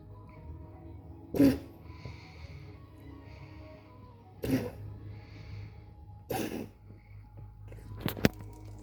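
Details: Three short, harsh, explosive bursts from a dog, a few seconds apart, then a quick double burst, over a television in the background, recorded evening 27 October 2025; dog coughing.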